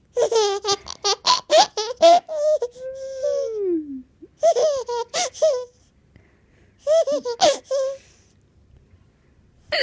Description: 生後7ヶ月の赤ちゃん、しゃっくりしてゲラゲラ笑ってとっても可愛い。